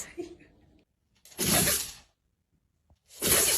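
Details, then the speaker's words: Dog sneezing, breed not stated: two sharp, hissing bursts, each a quick forceful sneeze with a brief snort onset. "have you ever seen your pet dog sneeze it turns out that each dog breed has a different sneeze sound"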